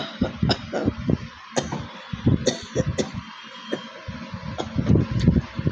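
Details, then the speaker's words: Person with a bad cold giving repeated short, low, somewhat chesty coughs in quick bursts. "তো এখন আমি একটু real cock হয়েছে বলে রিয়েল কক চ্যালেঞ্জটা দেখাচ্ছি তোমাদের।"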